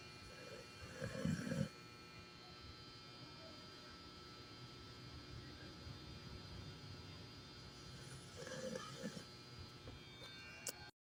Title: Snoring challenge anyone?